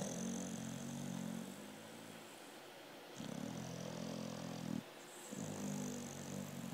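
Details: Pit bull (American Staffordshire terrier) in deep sleep: slow, low rumbling breaths with a few-second pause between them; snoring in a sleeping dog.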